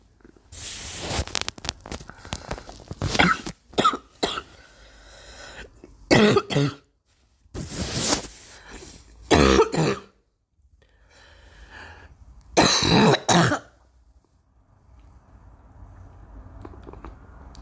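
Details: Girl coughing: repeated bursts of harsh coughing in irregular clusters, some fits with several coughs in a row, then a quiet, breathy pause.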